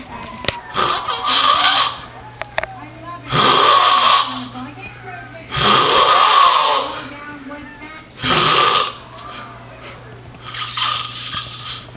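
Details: Roommate snoring during a nap: loud, rasping snores every two to three seconds, some with a gurgling, belch-like quality; heavy snoring during sleep.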